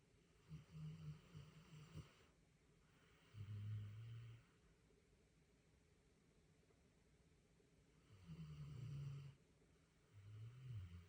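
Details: Sleeping small dog snoring: low, rumbling snores with snorting inhalations and softer exhalations, about five per minute, over quiet room noise.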